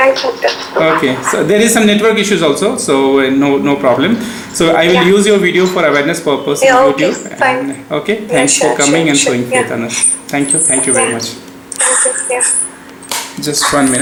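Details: Adult male speaker, possibly two men in conversation; ordinary speech.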